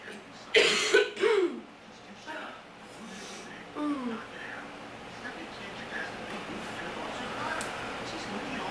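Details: Sick person with bad allergies and a very sore throat coughs harshly three times in quick succession, then makes a softer throat sound against quiet room noise.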